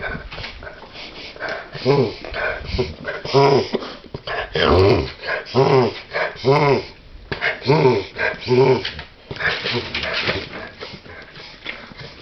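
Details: A dog makes repeated loud honking, snorting inhalations in an irregular run: a reverse sneezing episode.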